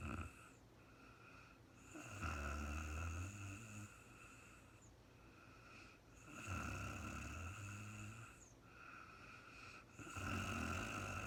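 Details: Real-time recording of a sleeping woman, no talking: low rumbling snores on each breath, about 16 a minute, over a steady background hum; snoring during sleep.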